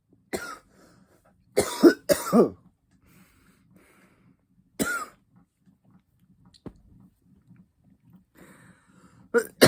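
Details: Cannabis smoker coughing during a session of taking blinkers and dabs with a nectar collector: several harsh, dry cough bursts and throat clearing separated by pauses; irritant cough after inhaling smoke.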